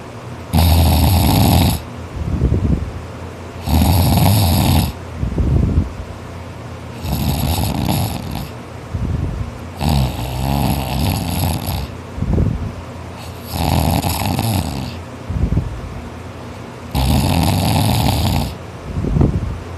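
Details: Person snoring very loudly and hard while asleep after a tiring day of hard work: a loud, harsh, rasping snore on each breath in, about 18 breaths a minute, with quieter breaths out; heavy snoring.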